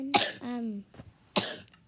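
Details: A friend's cough, described as horrible, recorded at a hotel check-in.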